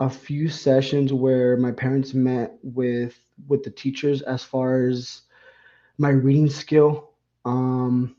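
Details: Man with lifelong stuttering that began around third grade, which he calls milder than the host's; he has never had speech therapy; repeated words; stuttering.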